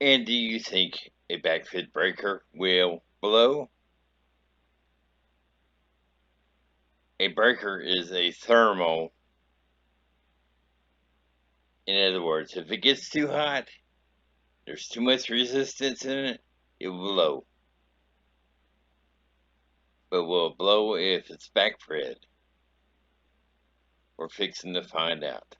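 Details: Adult male traumatic brain injury survivor, after a three-week coma, paralyzed and unable to move his left side; slurred speech; dysarthria after traumatic brain injury.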